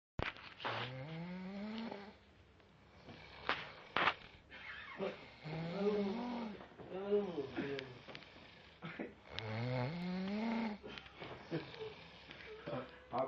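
Loud, rough voiced snores with rising pitch on each breath, about five in thirteen seconds; heavy snoring during deep sleep.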